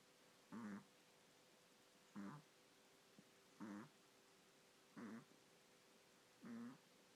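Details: Sleeping puppy Zia snoring while Zoey sleeps quietly: five short, rough snorts about every second and a half, roughly 40 a minute, over a faint steady hum.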